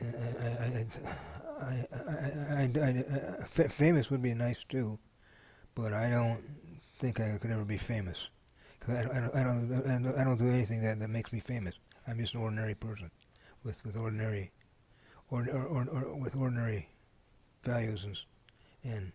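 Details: Adult man speaking; Stuttering-like disfluency (neurogenic) in Parkinson's disease.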